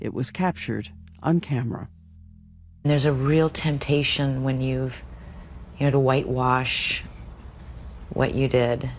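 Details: Slurred speech from real alcohol intoxication in an adult woman, a news anchor, recorded while drunk reading copy; she could read the words but could not make her mouth say them and struggles with simple words.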